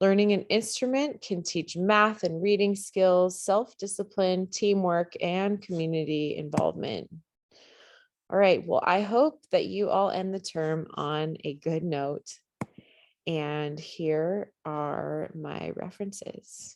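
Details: Adult woman speaking; normal speech.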